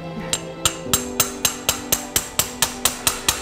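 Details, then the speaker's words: Mallet driving a size 13 high-offset short femoral stem during total hip replacement in a 42-year-old man with congenital hip dysplasia: about thirteen sharp, ringing metallic hammer blows at a steady pace. "Nummer 13 haben wir. "Mikroplastie, high offset", genau. Und das bauen wir dem Patienten jetzt ein."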